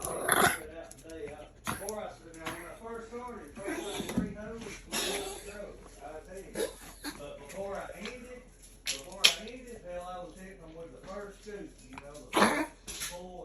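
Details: Pomeranian with a collapsed trachea that acts up at certain times and in certain weather: repeated harsh, goose-like honking coughs between whiny tonal sounds.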